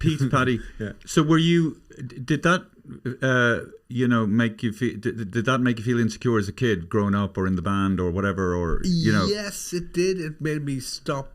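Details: Two adult men in conversation; normal speech.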